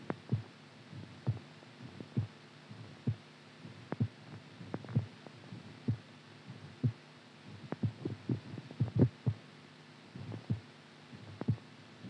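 Low, dull heart thumps at uneven intervals, some bunched close together and others spaced by pauses: an irregular rhythm.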